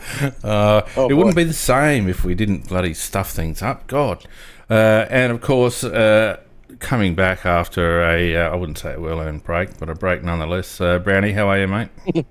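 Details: Adult man; normal voice.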